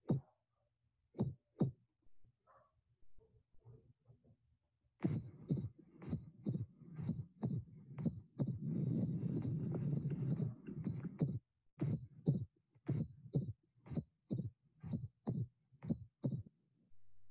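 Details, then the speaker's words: Regular heartbeat near 62 a minute; the second heart sound (S2) splits into two parts, with attention to timing on the patient's inspiration: split S2. "The next three slides will show you the sound of the splitting of S2. Please take note when the patient inspires."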